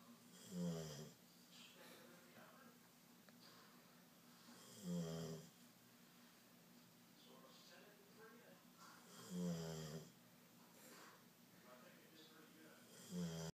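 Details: A sleeping dog snoring: rhythmic, low, rattling snores at about 14 a minute, each followed by a quieter breath out.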